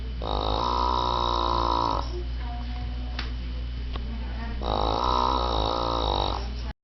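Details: Mother-in-law snores with two long, loud, rattling snores about four seconds apart over a steady low hum, reportedly with airway obstruction from an allergic reaction to a bee sting.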